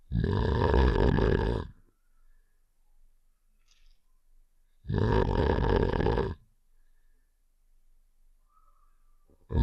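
Game sound effect: two long, loud, rumbling snores about five seconds apart with silence between.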